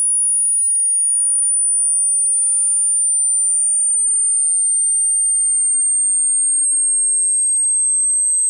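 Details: Hearing test, high-to-low: single very high, pure steady tone gliding slowly downward in pitch; synthetic hearing-test sweep.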